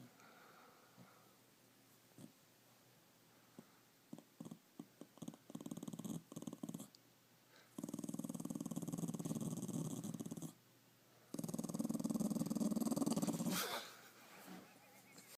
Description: Watching telly and heard my dog snoring. Filmed him and then he woke up. Not happy.